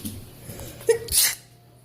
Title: Non stop sneezing! How to cook an egg...